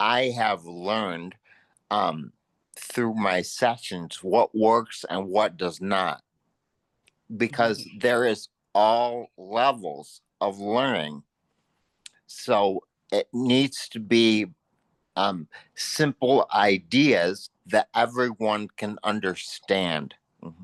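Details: Real adult male with aphasia following a stroke; aphasia.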